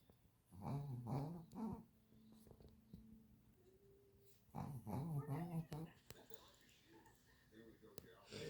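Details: Two sleeping dogs, one snoring and a female one dreaming: throaty, rumbling snores with soft whimpers and grumbles.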